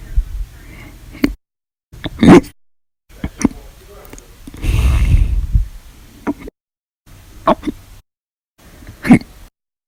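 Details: Audio-only recording of repeated hiccups (described as violent, loud, silent, minute-long), sudden sharp gulping bursts every second or two with short pauses, about six in ten seconds.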